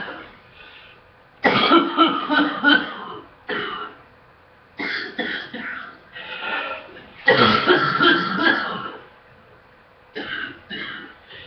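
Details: Morning coughing while sick, in a cough said to be improving except in the mornings, with meds awaited: repeated harsh coughs in clusters with throat clearing, about eight to ten bursts with pauses.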